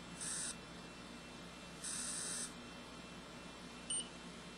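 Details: Animas 2020 insulin pump delivering a bolus: three short high electronic beeps over quiet room hiss; insulin pump beeps.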